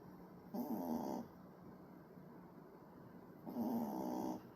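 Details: Sleeping puppy snoring like an adult man: two loud, rattling snores on inhalation with quiet breathing between them.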